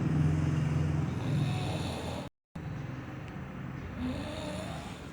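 Loud, low, rattling snoring with a coarse fluttering vibration, broken by a brief gap, over steady background noise.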